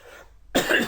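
A brief quiet pause, then one abrupt, harsh cough burst from an adult, sounding like a single cough or throat-clearing; finding: cough.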